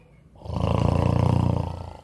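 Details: Husband asleep, snoring loudly, though he does not believe he snores; a deep, rattling, low-pitched inhaled snore rising and fading over about 1.5 seconds with coarse fluttering vibration: loud snoring.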